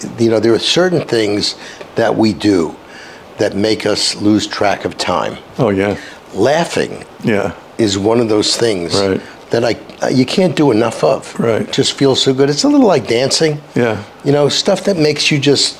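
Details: Adult man speaking; no speech disorder.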